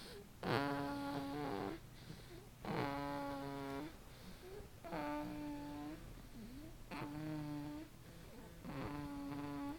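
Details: Four long, buzzing, rattling snores roughly two seconds apart with quiet breaths between; loud rhythmic snoring.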